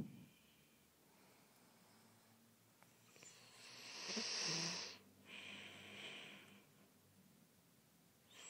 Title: snoring